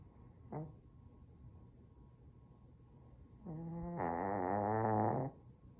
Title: Yorkie Nap…snorting! #yorkie #snoring #cutepuppy